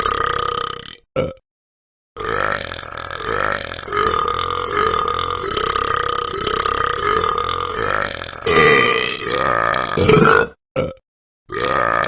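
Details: Repeated belching after one drink: several loud, long, drawn-out burps in a row with brief pauses between them.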